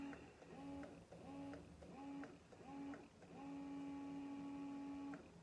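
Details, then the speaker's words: Baby Buddha electric breast pump, used by a mother of 13-month-old twins, just after power-on in stimulation mode: a beep, then quick rhythmic pulls and one long sustained pull from the motor hum; an electric breast pump cycling. "So when you hit the power button, it's gonna go onto this bacon or stimulation mode. And if you hear it, it goes beep, pull, and then that long pull. So pull, long pull."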